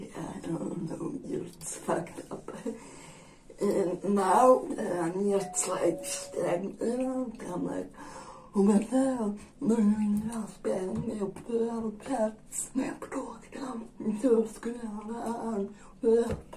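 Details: Dysarthria in an adult woman with generalized dystonia.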